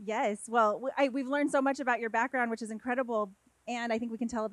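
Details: Adult woman speaking; Normal voice.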